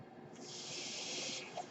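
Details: A steady airy hiss rises, holds over a second, then fades, from the speaker's own ventilator: home mechanical ventilator breath cycle.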